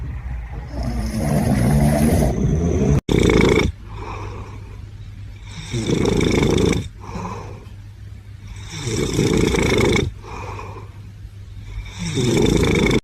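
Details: Sleeping cat snoring loudly: a long, rattling, rumbling breath in, then a softer breath out, repeating about every four seconds.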